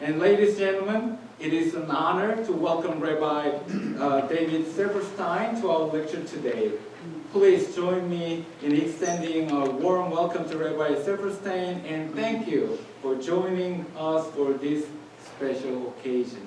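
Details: Adult speaker; normal voice.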